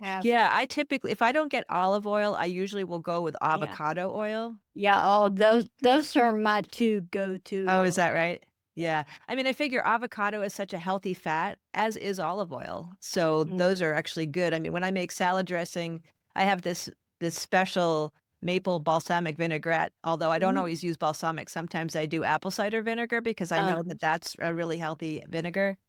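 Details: Adult woman, conversational speech; typical speech.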